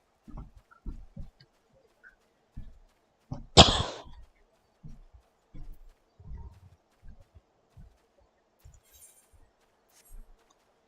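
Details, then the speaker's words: Adult recovering from COVID, now testing negative, with a lingering cough while talking during gaming; a single sharp, forceful cough among soft muffled sounds; post-COVID persistent cough. "again I apologize for coughing a lot I had uh covered for a little while um I'm currently negative but the cough's still there and I hear it lasts a while"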